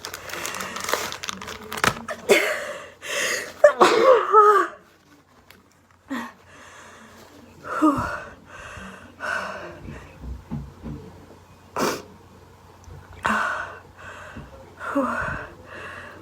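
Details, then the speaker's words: Repeated sneezes from a girl: several forceful bursts of air through the nose and mouth in a small room, with short pauses between them; described as pretty strong. "Whoa, that was pretty strong."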